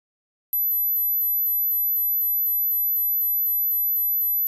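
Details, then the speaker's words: Simulation of tinnitus: a steady, very high-pitched ringing tone with faint regular pulsing, depicting ringing in the ears that sometimes will not stop; tinnitus simulation. "what is ttis it is a ringing in your ears that sometimes will not stop"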